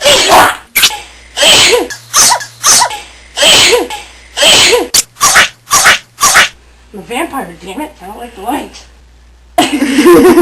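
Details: A person playfully experimenting with their sneezes: a rapid run of about ten short, explosive sneezes, then brief voiced sounds and a final burst; repeated sneezing.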